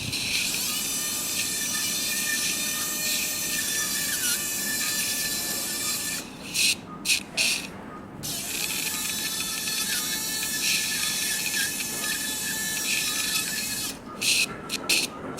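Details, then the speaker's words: Steady high-pitched whine of a diamond dust burr, with brief pauses, drilling the ear canal to expose the anterior annulus during right transcanal tympanoplasty with canalplasty for a near-total perforation, in a very bloody field. "In fact, I have to drill more than I was thinking to expose this anterior annulus."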